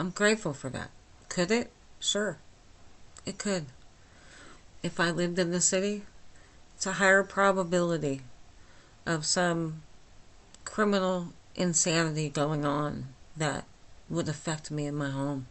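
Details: Dysarthria in myasthenia gravis in an adult woman with the disease since age 8, causing lifelong talking and swallowing problems; she speaks without her usual speech appliance.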